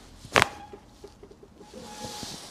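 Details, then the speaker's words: Chiropractic neck adjustment targeting C5–C6: a single sharp, loud joint cavitation crack from the neck, then quiet room noise; the patient reports feeling pain. "not little is a huge one can you hear this yeah yeah I could hear I can feel the pain keep on going"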